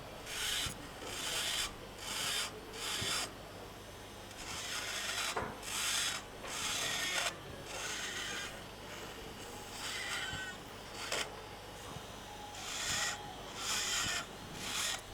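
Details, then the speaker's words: Temporal bone dissection in extensively pneumatized bone, clearing retrosigmoid air cells: repeated high grinding, rasping drill bursts with pauses between passes, sound changing near the middle cranial fossa. "See the difference in the sound here and here. Right? So here we are probably very close to the uh the middle fossura."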